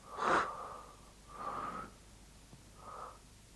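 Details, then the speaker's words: Normal laryngotracheal breath sounds heard by stethoscope over the larynx and trachea: loud, harsh, hollow breathing with a coarser timbre than vesicular breathing, made by air passing through the glottis. "над гортанью и трахеей выслушивается Ринго трахеальный воздуха через голосовую щель оно отличается более грубым тембром и напоминает"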